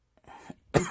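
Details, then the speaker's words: Self-reported Tourette syndrome vocal tic, a nervous cough: a faint throat sound, then one short, sharp cough burst. "so i have that i have the nervous cough"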